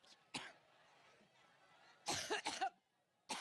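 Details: An adult woman has a coughing fit during a campaign speech in Cleveland, Ohio: four harsh coughs, three close together, over faint room noise.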